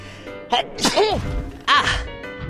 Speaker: oh i gotta sneeze ah [Music] i do ah excuse me sorry [Music] i need to sneeze [Music]